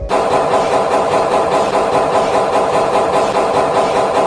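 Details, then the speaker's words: MRI scanner gradient coils switching thousands of times per second during a scan, shaking the coil: loud, continuous mechanical hammering drone with steady rapid "thak-thak" pulsing, loud enough that patients need earplugs. "लेकिन यह एक साथ bunch होकर coil को हिलाते हैं और जब यह कॉइल हिलता है तब वह लाउड मैकेनिकल थक करके साउंड आती है और जब यह प्रोसेस कंटीन्यूअसली रिपीट होता है तब हमें लगातार वो हैमरिंग वाली साउंड सुनाई देती है।"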